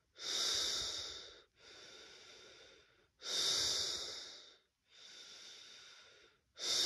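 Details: Laboured breathing in a person with a first positive COVID-19 test, chest feeling hard and trachea blocked: loud, airy breaths at about 19 a minute, forceful inhalations and softer exhalations.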